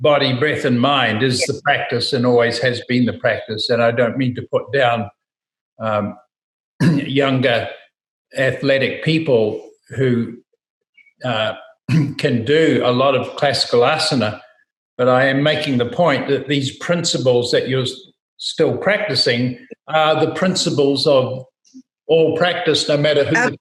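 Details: Adult male speaker; normal speech.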